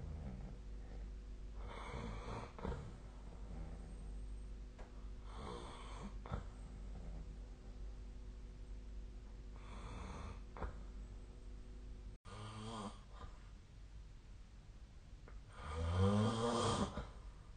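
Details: Sleep snoring recorded with a snoring-tracking phone app: soft, rough breaths roughly every four seconds over steady room hum, then one louder, fluttering snore.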